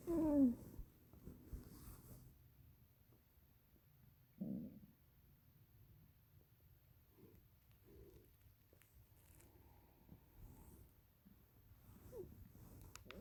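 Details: Low, squeaky gurgles and rumbling bursts, loudest at the start, then softer intermittent bubbling in a quiet room; stomach growling (borborygmi).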